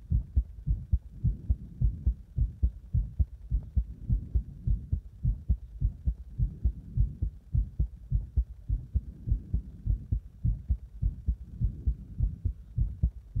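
Loud, regular low thumping heartbeat at about 100 beats a minute, heard during chest compression.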